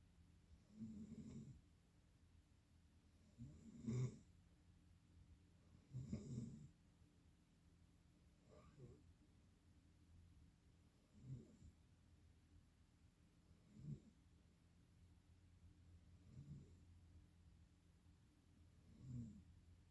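Quiet, uneven snores over steady room hum, about eight in twenty seconds: ordinary sleep snoring.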